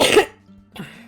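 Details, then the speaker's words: Adult streamer, still recovering from illness, coughs during a livestream: single sharp, breathy cough followed by a softer exhaled sound over a faint steady hum; cough. "You will hear me cough a bit, but it's normal. I'm still not out the woods."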